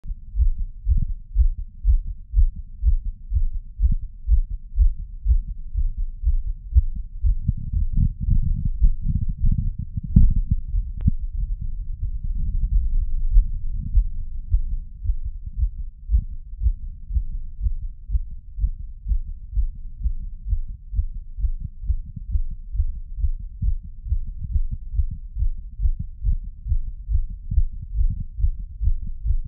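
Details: Fast, pounding heartbeat recorded with a Polar H10 and an ECG app: rapid, forceful thumps at about 120 a minute, with a brief rubbing noise midway.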